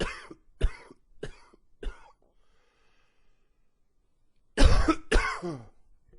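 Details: Run of four rough coughs, a pause, then two more forceful coughs; repeated coughing fits, described as wheezy with some gagging, attributed to allergies flaring in cooler fall weather.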